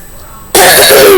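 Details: A sick adult with a headache, amid smoky air, gives a single loud, harsh cough after a brief quiet moment.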